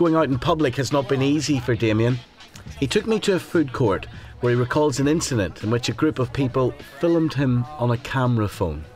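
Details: Adult male narrator; no disorder (presenter).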